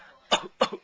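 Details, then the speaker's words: Father who says he is sick gives two short, sharp coughs about a quarter second apart, each with a brief trailing rasp, in a quiet small room while his baby laughs. "coughing I'm so sick why are you laughing at me I'm sick"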